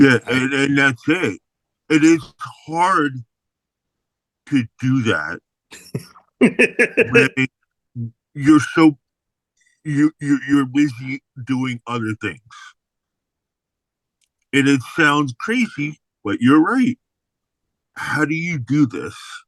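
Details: Aphasia in an adult man following a stroke in May 2022, heard in spontaneous speech.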